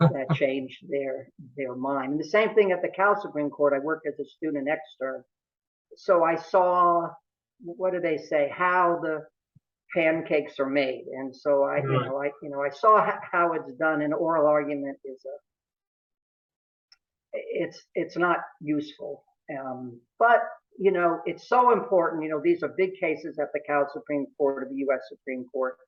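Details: Adult male who has stuttered since early childhood, severity fluctuating over life, now about 95% fluent daily but still stuttering sometimes; stuttering.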